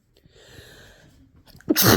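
A quiet, breathy, hitching build-up followed by one sudden, loud, explosive sneeze.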